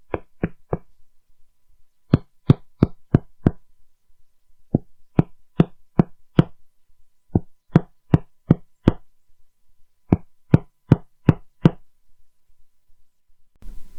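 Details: Finger percussion demonstration, e.g. at lung level, teaching the sounds of percussion: groups of taps varying between hollow resonant and flatter dull tones; resonance, dullness and tympany.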